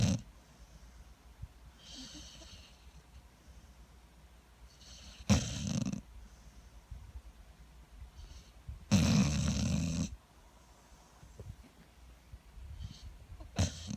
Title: American Staffordshire Terrier Hargen snoring.😘